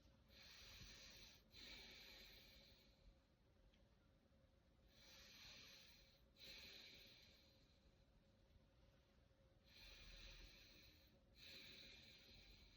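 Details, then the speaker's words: Soft, even, deep breaths heard posteriorly during a student nurse's lung assessment, about 12 a minute, with the patient taking deep breaths. Breath sounds are unlabored and bilaterally symmetrical, with no adventitious sounds: normal breath sounds. "my patient breaths sound unlabored un bilaterally symmetrical I don't hear any advantous sounds"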